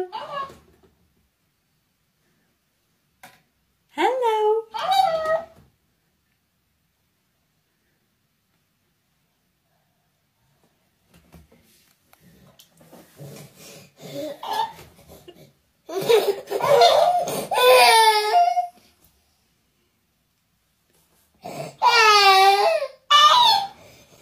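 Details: An infant cries and fusses in short bursts of rising and falling wails separated by pauses, in a baby crying compilation involving a cactus toy.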